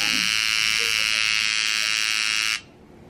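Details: Steady high-pitched electric buzz of a microneedling pen running for about two and a half seconds, then stopping. It was used on the face with hyaluronic acid glide during a first treatment for acne scars and pores.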